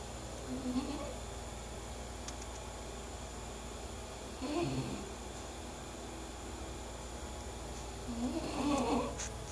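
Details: Snoring in a sleeping English bulldog: three slow snoring breaths, about 15 a minute, over steady room hum.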